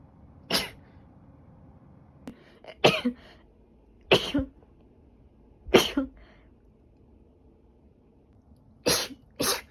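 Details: Repeated allergy sneezing from a woman who has been sneezing since the previous night.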